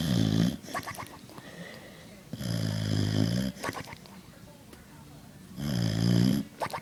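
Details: Loud, deep rattling snores about every three seconds, with snuffling between breaths, from a sleeping Boxer dog; snoring.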